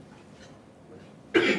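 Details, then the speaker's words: In a pediatric airway management lecture, an adult lecturer imitates the loud, harsh, seal-like barking cough of croup once after a quiet pause; simulated barking cough (croup). "We all hear we walk in hear that barking cough, right?"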